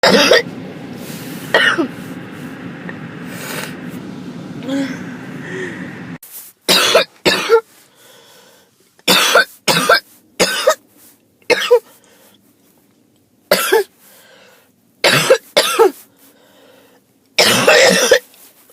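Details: Adult with a cold: repeated harsh, dry-sounding coughs in short bursts, many in pairs.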